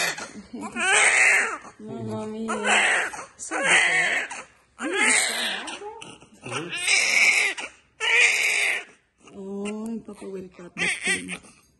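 Repeated loud, high-pitched crying bursts from a newborn, with brief pauses for breath; a vigorous newborn cry. Adult voices faintly in the room.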